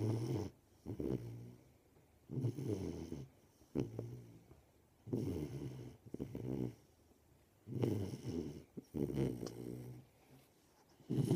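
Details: Golden Retriever puppy, 13 weeks old, sleeping: rhythmic low rumbling snores with snorting nasal breaths, about four breath cycles; ordinary snoring.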